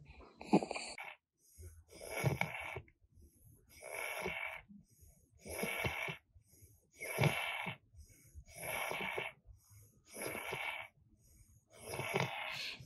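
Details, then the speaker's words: Loud, harsh noisy breaths repeating at about 35 a minute from a child with labored breathing and visible head bobbing. This is abnormal noisy breathing indicating respiratory distress. "here are a few examples of noisy breathing where the child is labored in this one you can hear noisy breathing and notice head bobbing"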